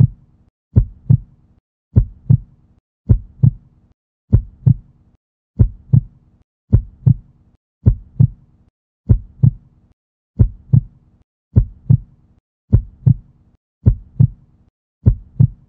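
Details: Stock heartbeat sound effect paired with a 3D heart animation: steady paired lub-dub thumps at about 50 beats a minute.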